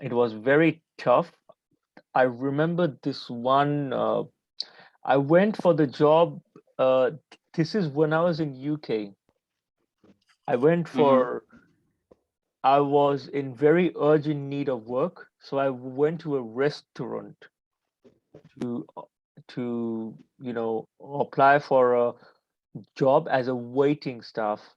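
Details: Adult man who stutters and reports that he still stammers, with blocks during this conversation despite having become more fluent; stuttering.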